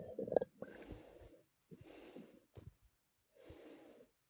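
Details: Woman's own stomach growling: soft, low gurgling rumbles in three or four separate bursts, ordinary borborygmi from gas and fluid moving through the gut.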